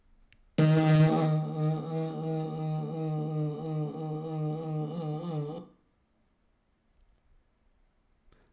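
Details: Vocal tremor, most obvious in intensity and voice quality, with normal and breathy (aphonic) voice alternating and less variation in fundamental frequency; finding: tremulous voice (vocal tremor).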